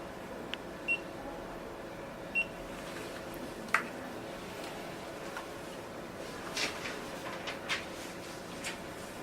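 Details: Nd:YAG tattoo-removal laser machine with carbon peel, test-fired at maximum frequency in a test run: faint clicks and short beeps at an uneven rate over room noise.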